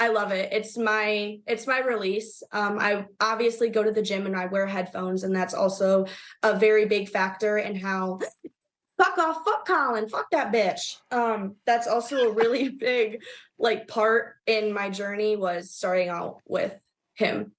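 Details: Tourette syndrome vocal tics with coprolalia in a young woman, with involuntary shouted cursing interrupting her speech.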